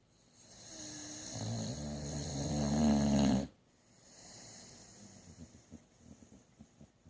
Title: Bubbles Snoring